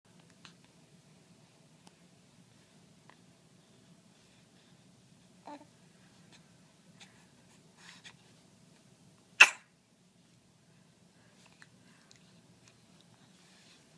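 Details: Single sharp explosive burst of air in a mostly quiet room with small rustles; sneeze.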